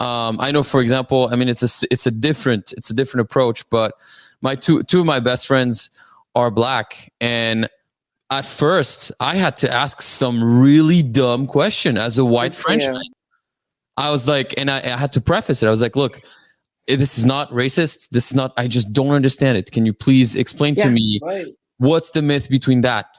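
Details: Adult male speaker; normal conversational speech.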